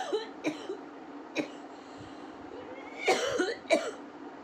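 Several short dry coughs mixed with throat clearing over steady background hiss, from an adult woman with a cold.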